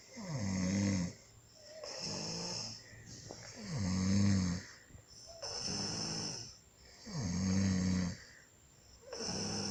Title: RONCANDO